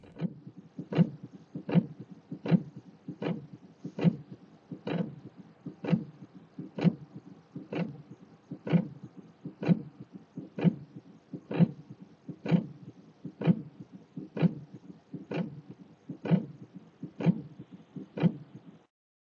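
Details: Three-component pericardial friction rub in acute pericarditis: regular heart sounds near 63 a minute with a high-pitched, scratchy, superficial quality.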